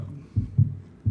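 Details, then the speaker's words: Normal heart sounds: lub, first heart sound from atrioventricular valve closure, and dub, second sound from closure of the aortic and pulmonary semilunar valves. "That's the first sound of the cardiac cycle, first heart sound. It's actually called the lub. The dup or the dub, the second sound is closure, what are called the semilunar valves, which are the pulmonary and the aortic"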